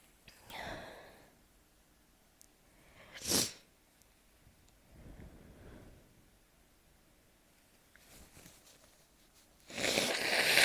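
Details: Sneezing fit in summer, sneezy season, while lying beneath a ceiling fan: several sharp, hissing sneeze bursts, one very loud, with quiet gaps and soft breaths between them.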